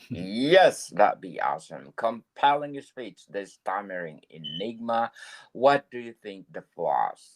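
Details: Adult male speaker; typical speech.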